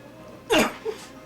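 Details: 22-year-old male with Tourette syndrome and uncontrollable facial tics, head movements and vocalizations; vocal tic (Tourette syndrome).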